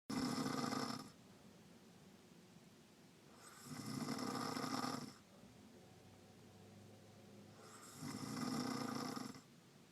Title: Grandma still snoring